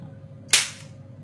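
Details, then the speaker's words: Picosecond 755 nm / Nd:YAG tattoo-removal laser (1064 and 532 nm heads, adjustable spot size) demonstrated: one sharp snapping crack as the handpiece fires a pulse; laser pulse firing. "Đây là laser Picosure. Đây là gọi là super laser Picosure ND rắc."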